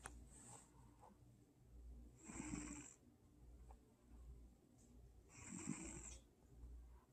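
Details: Soft, regular snoring from a sleeping old cat in a quiet room, a rattling inward snore about every three seconds, near 19 breaths a minute.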